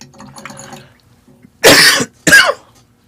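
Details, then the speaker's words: Adult man coughs twice, sharp and forceful in quick succession, while painting, after faint clinking room sounds; an ordinary cough. "really cannot stand I'm glad for deleting a lot of this I will be deleting a whole out of this audio it's hard when you have to hear me cough like that"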